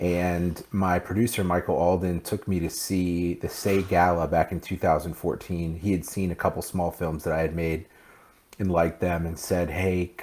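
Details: Adult man speaking; typical speech.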